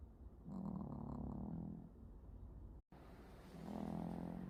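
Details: Soft low rumbling snore from a sleeping puppy, two breath-length snores with a quiet pause between; ordinary harmless puppy snoring.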